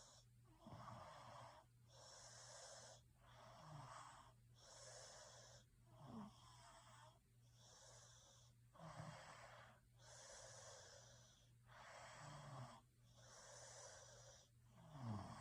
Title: Snoring sounds Sleep 🛌 well